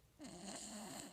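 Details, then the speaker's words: Snoring in the background from an 11-month-old rescue pet sleeping on a chair. "she always sleeps on a chair or with me in a chair but uh you this is who you hear snoring in the background sometimes"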